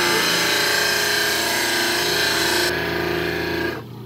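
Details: Dental lab demonstration on a larger lab model trimmer trimming a stone dental cast from the cuspid to the central area: loud continuous grinding whine, easing off at the end as contact stops.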